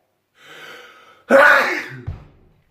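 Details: A quick in-breath, then one loud, explosive sneeze trailing into a brief exhale, from a person who says they have been sick lately; a forceful sneeze.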